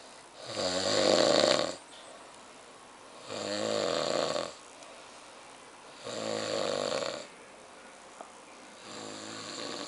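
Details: Very loud snoring from a sleeping young man from Chiang Rai: rattling snores on each in-breath, about 21 a minute, with quiet pauses between them.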